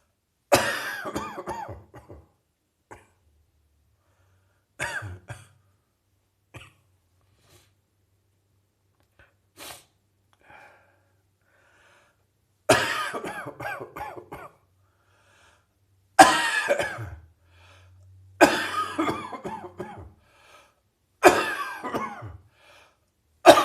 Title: Chest Cold Cough Receding